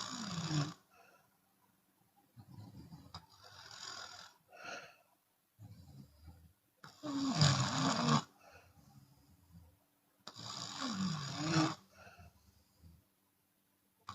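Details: Open-mouth snoring from a Chinese woman, sometimes on breathing out: loud, irregular, harsh rattling snores with quieter breaths between, about 17 a minute.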